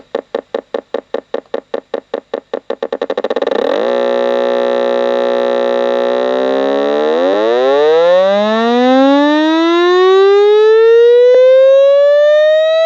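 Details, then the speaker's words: A homemade mini frequency-generator hearing-test device starts as slow clicking pulses from about 5 Hz, speeds into a buzzing tone, then glides steadily upward in pitch; a tone sweep for a hearing test. "There we go. And now let's change the frequency. Increase the frequency. Right now it's at 0.5 hertz, or just 5 hertz. Yeah, it's at 5 hertz. I'm going to increase it."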